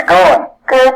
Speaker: so i'm going to play what normal is so what you and i are probably experiencing if you don't have hearing loss